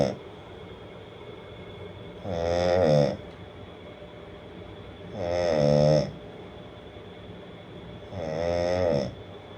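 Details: Man snoring, presented as a sound effect: three loud, rattling, low-pitched snores on inhalation, about 20 a minute, with steady background hiss between them.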